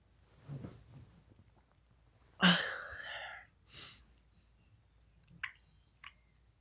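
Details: Sneezes recorded as an April Fool's joke after a countdown, with the person saying their nose tickles: one loud explosive sneeze after a short in-breath, then a softer sneeze-like burst and a few quiet sniffs; sneezing.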